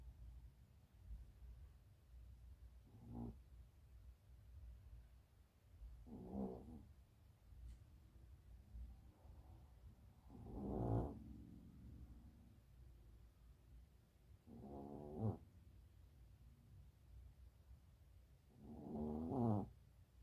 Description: my Lil Chihuahua is snoring